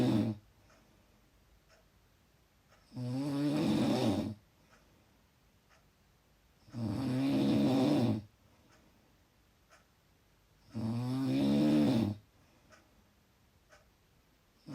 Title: Loud Snoring